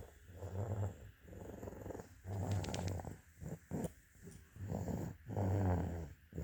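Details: Low, rattling snores with each breath, about 20 breaths per minute with short pauses between, from a sleeping dog.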